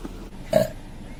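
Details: A woman's single short, low, rumbling voiced belch against background noise, taken from a burping compilation.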